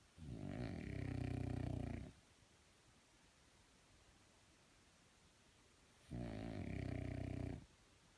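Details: French Bulldog: two long, loud, low rattling snores separated by quiet pauses; snoring in a short-nosed dog.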